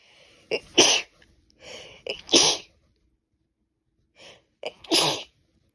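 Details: Three quick sneezes, each a short in-breath then a forceful burst, from a female on the second day of a common cold; she can't stop sneezing.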